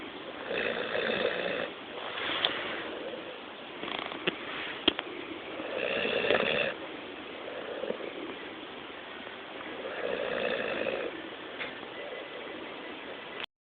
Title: Best dog snore ever